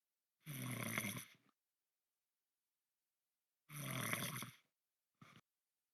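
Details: Two long, rough, rattling snores about three seconds apart, then a brief snort, in a quiet room; snoring.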